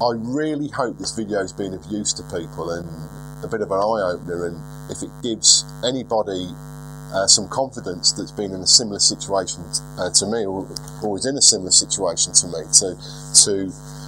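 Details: 42-year-old man who has stuttered for as long as he can remember, milder than 4 or 5 years ago with occasional relapses; unedited footage; stuttering.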